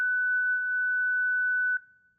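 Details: Steady, continuous high-pitched tone that cuts off and fades: ZOLL Zenix EMS monitor/defibrillator signalling it is charged and ready to shock, in an instructional demonstration of manual and AED defibrillation.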